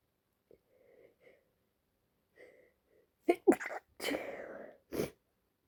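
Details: Person lying in bed feeling unwell, possibly getting a cold: soft breaths build up, then a quick run of sharp sneezes: sneezing.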